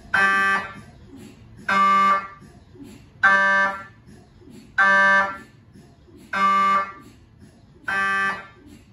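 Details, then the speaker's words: MRI scanner noise recorded inside the scan room from a GE 1.5T or 3T system: loud buzzing tones repeating in regular bursts, about six in nine seconds, over a quieter background hum. "This video is intended to help you familiarize yourself with the different sounds an MRI makes and eventually be comfortable around an MRI scanner."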